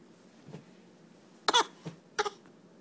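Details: A child gives two short, forced cough bursts in a quiet room, a deliberately put-on fake cough, after being asked about their cough.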